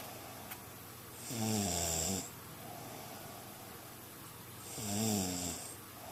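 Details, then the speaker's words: Two loud, rattling snores on inhaling, about four seconds apart, with quiet breathing and faint room noise between, recorded on a Flip Video camcorder: ordinary snoring. "This is in case you don't believe me about your snoring."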